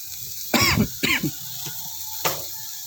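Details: Three or four short, harsh coughs over kitchen sizzling while stir-frying water spinach (kangkung) with many bird's-eye chilies, provoked by the cooking fumes; cough.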